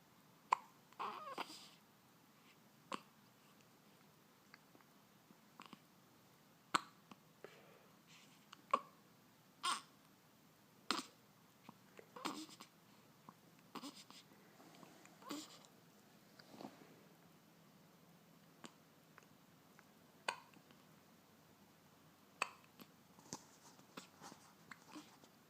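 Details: Infant hiccups: repeated short, sharp catches every one to three seconds in a quiet room.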